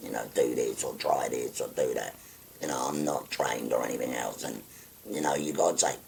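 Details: Tracheoesophageal speech in a 57-year-old man after total laryngectomy for stage four laryngeal cancer, using a voice prosthesis with button occlusion of the neck stoma.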